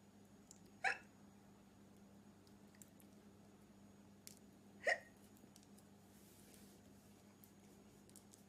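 Two short, abrupt catches about four seconds apart over faint room hum, fitting hiccups.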